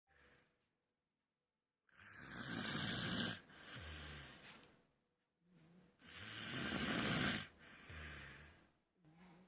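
Loud, harsh snores on two breaths, each a rough rattling inhalation followed by a softer noisy exhalation, about 15 breaths a minute.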